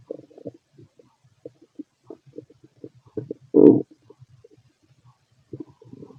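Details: Fit adult male, stethoscope on the abdomen during digestion after a meal of pastry, chicken, curry, bread, milk, eggs and pasta: frequent gurgles and bubbling clicks with one louder growl midway; active bowel sounds.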